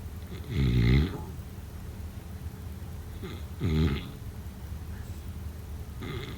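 Deep, rattling snores on each breath, about 20 a minute, loud against a quiet room.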